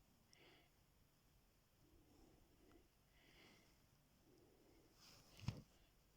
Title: snoring bogoos